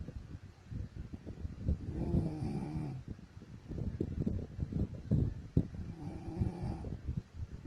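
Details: Wife snoring while sleeping, from a compilation of old videos: low, rough, rattling breaths, louder on some inhalations, with quieter gaps between them.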